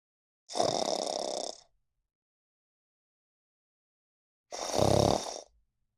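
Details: Sleeping cat: two long, rough, noisy breaths about four seconds apart, with a rattling snore on the second; cat snoring.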